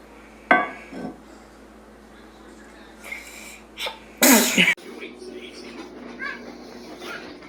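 A sharp, loud burst of air midway through, fitting a sneeze, among brief voices and kitchen room noise.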